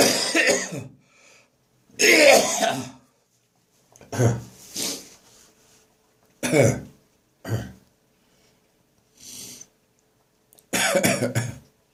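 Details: Adult with a persistent cough: repeated harsh cough bouts mixed with throaty gagging and retching, separated by short pauses, during a morning coughing and gagging session.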